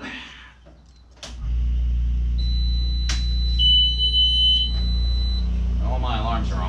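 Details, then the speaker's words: Steady low motor hum and high steady alarm tones for a few seconds as two 5 lpm oxygen concentrators switch on, used to feed lampworking torches. "um so first thing you gotta do is turn them on"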